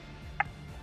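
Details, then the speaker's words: ZOLL AED 3 on an unresponsive coworker in sudden cardiac arrest, after 'no shock advised': single short electronic CPR metronome beep pacing chest compressions. "to match the tone"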